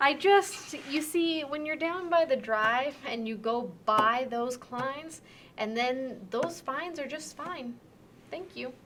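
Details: Demonstration of severe transcortical sensory aphasia, an acquired language disorder with impaired comprehension and intact repetition, speech following a repetition task; transcortical sensory aphasia.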